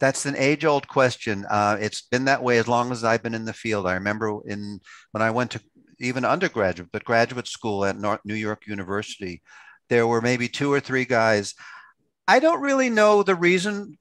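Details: Adult man speaking; ordinary speech.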